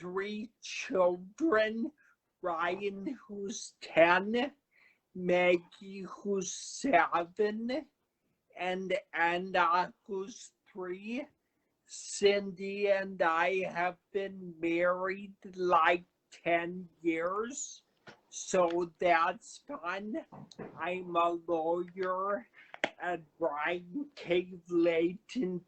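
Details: Adult man who had a cerebellar stroke at 35 in 2013, could not talk at first, has a paralyzed vocal cord (permanent laryngitis-like), right side affected and aphasia; finding: slow speech with dysphonia after stroke.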